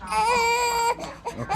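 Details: One-month-old infant crying for a bottle: one sustained, clear wailing cry followed by short fussing sounds, a hunger cry.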